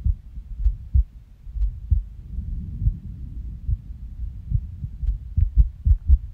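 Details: Resting heartbeat with skipped beats on waking from a nap: low, muffled thumps at uneven spacing, with pauses and early beats; irregular heartbeat.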